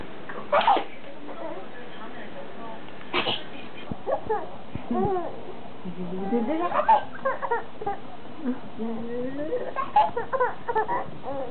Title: I like my Mama sneezing!